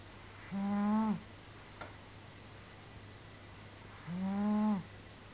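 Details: Snoring from a man sleeping deeply: two smooth, tonal snores about three and a half seconds apart, each under a second, over steady low room hum.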